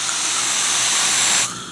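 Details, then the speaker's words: About one and a half seconds of steady high hiss: an at-home wart freeze spray chills a medical swab held to the can's tip, demonstrated on a make-believe wart. "now the way this system works is you actually hold the swab up to the tip of the can and spray freeze"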